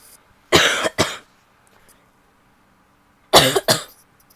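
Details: Female coughing in a quiet room: two pairs of sharp, harsh, dry-sounding coughs separated by a pause.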